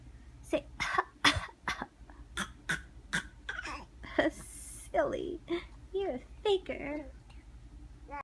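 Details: Infant boy giving a string of short, dry, deliberate fake coughs in play, not from illness.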